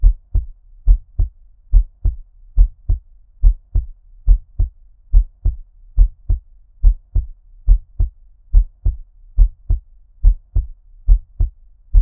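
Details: ASMR heartbeat recording with ear-cupping, underwater-like muffling: regular lub-dub beats at about 71 per minute, a normal resting rate.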